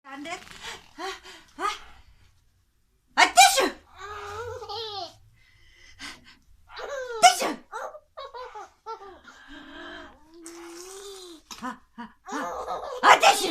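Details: Several loud, sharp sneezes, each followed by an infant's bursts of laughter; ordinary sneezing.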